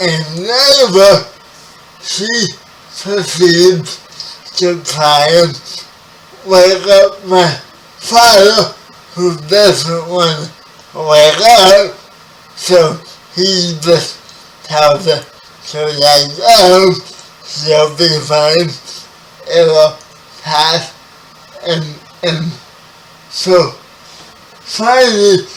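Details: 30-year-old man with spastic quadriplegic cerebral palsy, born 11 weeks premature, wheelchair user; dysarthric speech in cerebral palsy.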